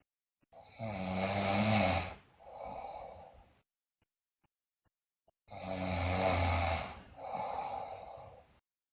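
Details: Loud rattling snores on each breath in, followed by a softer rasp on the breath out, about five seconds apart, from a sleeping girl also described with bruxism and delirium; snoring.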